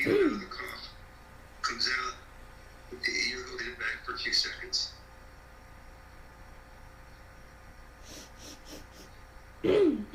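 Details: Child with habit cough (chronic cough up to 5 years, about 18 hours a day, absent during sleep and returning on waking): repeated harsh, throaty cough bursts.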